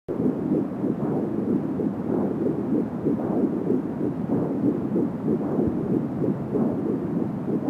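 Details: Fetal heartbeat at 10 weeks of pregnancy heard with an Angel Sound home fetal Doppler: rapid, rhythmic whooshing pulses at about 170 beats per minute with steady static; the whooshing is said to be umbilical cord sound.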